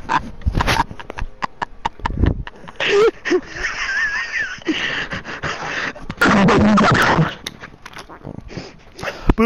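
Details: Repeated short snorting and sniffling sounds with whimpers from a dog with serious nose issues: nasal congestion snorting.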